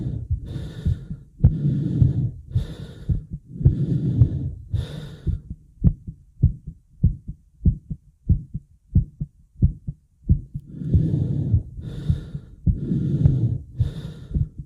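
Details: Heavy breathing when unable to catch breath: fast, deep, noisy breaths with a pause where a quick, regular heartbeat thumps clearly.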